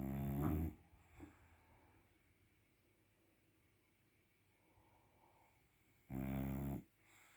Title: When I sleep, I snore. #dog #shorts